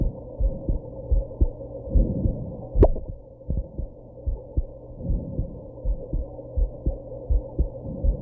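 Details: Heartbeat with hiccups after smoking and drinking a little at a birthday: low, muffled heartbeats at about 80 a minute under a steady hum, with one sharp click-like hiccup jolt.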